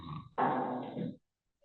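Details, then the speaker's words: Single rough, rattling snore on inspiration, under a second long, from a sleeping adult; snoring. "Ahora estamos viendo un adulto roncar,"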